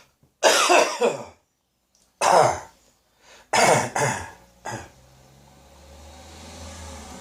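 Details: An adult coughing with a spring cold that is moving deeper into the throat and may reach the chest in a couple of days. About five harsh, throaty coughs, some in quick pairs; a common cold cough.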